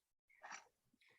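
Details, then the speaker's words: A single quiet, abrupt, breathy hiccup from a dog, heard faintly in the background of a conversation; hiccups. "Oh, my dog is hiccuping. That's so funny. I'm sorry for that sound in the background."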